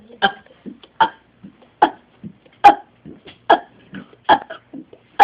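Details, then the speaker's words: A seven-year-old boy burps deliberately, a rapid run of short, throaty bursts about one a second, trying to beat his record of 30 burps; repeated burps. "right now you're gonna try to beat your record and begin"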